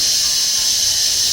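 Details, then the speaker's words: Steady high airy hiss of dental suction run as a demonstration to a shy young boy on his second dental visit, before tooth cleaning and sealant; suction will draw out water. "Before starting the treatment, explain the surrounding instruments and the sounds that the child is going to undergo or experience. Okay, so this is the suction."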